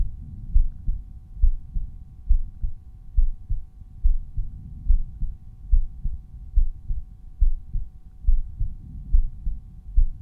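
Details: Normal heart sounds: a resting heartbeat recorded at one of several chest auscultation points (Erb's point, tricuspid, mitral, pulmonary, aortic), with the volume normalized separately for each point.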